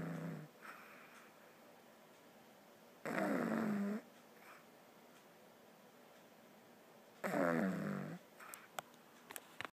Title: Baby girl snoring AGAIN